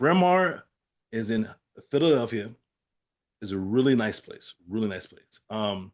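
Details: Aphasia after a stroke in an adult man; finding: aphasia.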